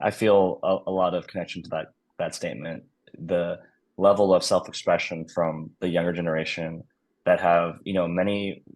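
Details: Adult male speaker; normal fluent speech.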